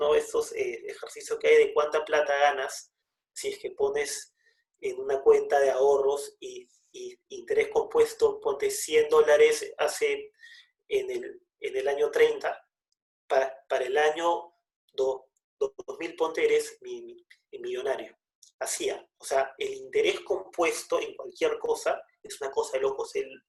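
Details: Person who stutters, speaking Spanish in a podcast conversation; stuttering.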